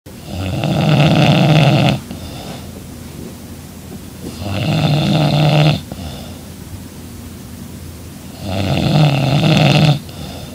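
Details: Young woman snoring loudly in her sleep beside her boyfriend: loud rattling snores on each breath in, about 15 a minute, with quieter breathing out between; snoring.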